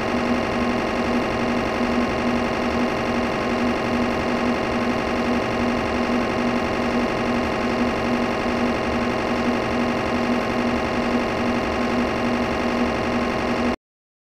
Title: Mri Machine Capturing / Magnetic Resonance Imaging MRI Machine Capturing 08 Wav